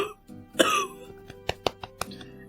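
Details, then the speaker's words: A streamer recovering with deep, settled cough and morning mucus gives one loud full cough then a few short sharp bursts over soft music; chesty cough. "My cough is um I don't know. I sound like I smoke like a lot."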